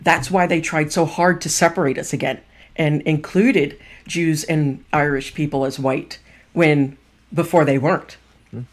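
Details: Adult speaker; typical speech.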